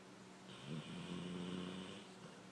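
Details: A single low, buzzing snore lasting over a second, with a faint hiss in a quiet room.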